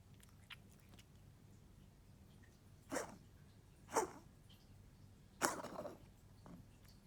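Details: Dog coughing, recorded 2019-07-17 at 05:10: three short, dry, husky coughs spaced about a second apart against quiet room noise.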